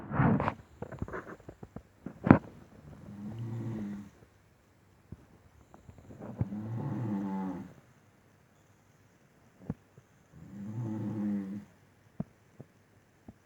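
Slow, deep, rattling snores about every four seconds, with scattered clicks and rustles between them; loud, regular snoring.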